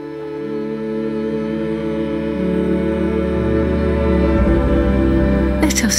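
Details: Simulated tinnitus: layered steady tones and a faint high ringing imitate the constant sound that people living with tinnitus hear instead of silence.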